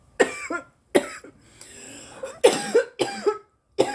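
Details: Girl coughing after smoking, face feeling hot: repeated short, harsh coughs in quick bouts, about six bursts with brief pauses; a plain irritant cough.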